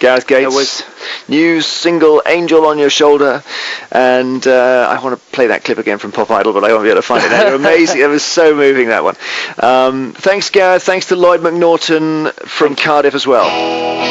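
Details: Adult male radio host; typical speech.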